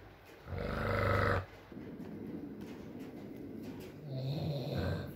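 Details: Adult man (boyfriend) asleep, ASMR recording with rain: one short buzzing snore, then softer rumbling breaths and quiet room noise; snoring during sleep.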